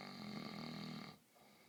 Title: Dad snoring